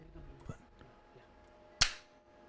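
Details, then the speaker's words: Single sharp snap in a quiet room as the UroLift device deploys its needle, with gentle compression on a small grade 1–2 prostate, in an elderly man with high cardiac risk. "yes now we have deployed the needle you're giving a little compression onto the prostate and then pulling both the things inside"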